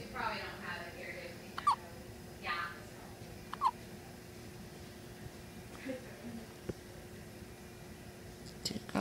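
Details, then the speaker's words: One-week-old baby with hiccups: several short, sharp hiccup sounds spaced a couple of seconds apart over quiet room noise. "Oh, those hiccups. Lots of hiccups, huh?"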